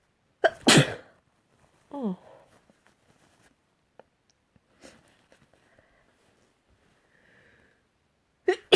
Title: Variety sneezes